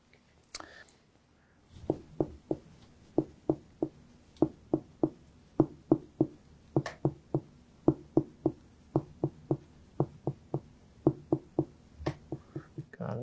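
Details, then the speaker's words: Rapid series of short, dull taps from finger percussion over the liver of a patient during abdominal examination, used to map the liver's size, in contrast to the higher-pitched tympanic stomach. "i'm going to go ahead and also percuss for your liver so try and determine the size of your liver and then i'll try and feel for that as well"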